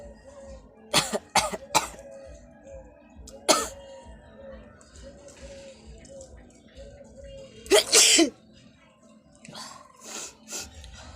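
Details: Person feeling unwell, eyes watering: several short, sharp sneezes, then a long forceful nose blow, with steady background music.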